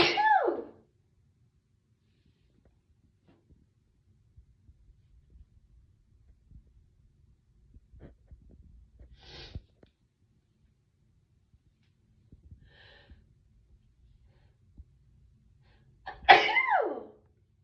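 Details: Two forceful sneezes, one at the start and one at the end, separated by a long quiet stretch with faint breathing and rustling: sneezing.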